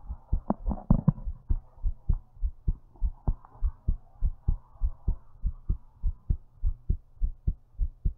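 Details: Own heartbeat recorded while lying down, described as thumpy: strong, steady thumping at about 100 beats a minute.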